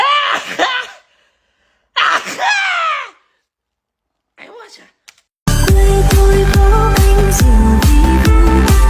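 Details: Sneezing during a no-blink sneeze challenge: two loud sneeze-like bursts and a smaller one, followed by loud music.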